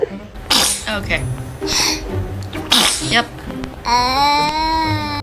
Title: Baby sneezes mean it’s sending you blessings #baby #foryou #funny #funnyvideo #cute #babyvideos